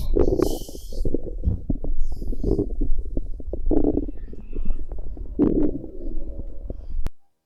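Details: Bowel sounds recorded from a pregnant woman's abdomen: low, irregular gurgling and bubbling with squelches and rumbles, ordinary stomach gurgling.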